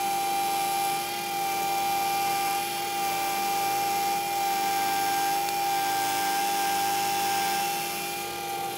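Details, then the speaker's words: Dental implant twist drill widening the bone site to 13 mm depth for a 3.75 × 13 mm C1 implant: steady high-pitched motor whine. "as I mentioned we're drilling to 13 millimeter depth so I would use our 13 millimeter length drill as a built-in stopper to prevent me from over drilling in the interest of time I'm going to drill rather quickly"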